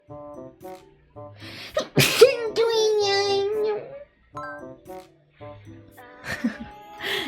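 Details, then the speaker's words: A streamer's single sharp sneeze with an unusual long, wavering voiced tail, over light background music. "아 아니 제끼 소리가 왜 저래 진짜로 열받아"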